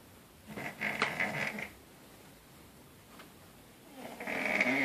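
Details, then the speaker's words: Two harsh, rattling snores separated by a quiet pause. "show you guys a snore."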